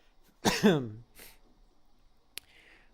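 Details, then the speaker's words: A single voiced, throaty cough with a short trailing grunt in a quiet room; lingering cough in an adult recovering from a recent feverish illness. "as you can hear my voice I'm still have I'm coughing sometimes but hopefully it's already like the the leftovers"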